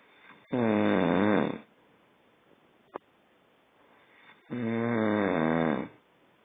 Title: Snoring = Revenge!